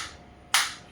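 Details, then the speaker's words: A single sharp crack like a cap gun against a steady hiss as a focused (not radial) ESWT shockwave applicator fires on the demonstrator's hand; intensity 3 of 15, frequency 90. "And now you can see we are getting the shot."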